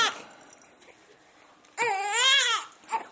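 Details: Infant boy crying during tummy time, refusing to practice crawling on his tummy: a quiet stretch, then one loud rising-and-falling wail followed by a short fussy sound.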